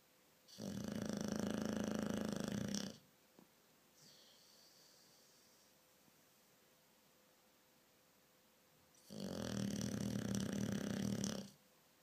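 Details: Sleeping dog at night with very loud snoring: long, harsh rattling snores on each inhalation about eight seconds apart, with quiet breathing between them.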